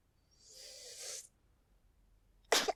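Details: A sneeze from a puppet short film: a drawn-out breathy in-breath, then after a pause a short sharp burst; a single sneeze.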